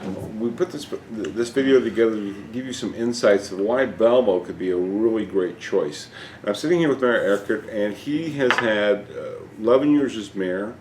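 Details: Adult male speaker; ordinary speech.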